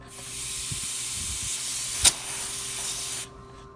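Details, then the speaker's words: Oxygen hose being attached to the oxygen outlet at the back of an anesthesia machine while setting up a ventilator. A steady loud hiss of escaping gas lasts about three seconds and stops abruptly once the fitting is finger-tight: an oxygen hose connection air leak. "so you're gonna attach this hose here and you will hear some air leakage until it's tight"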